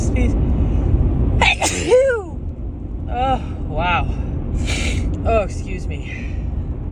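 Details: Woman still recovering from a cold sneezes while driving: loud, harsh sneeze with a sharp intake and voiced burst, then gasps, sighs and "excuse me" over steady car engine rumble. Sneezing.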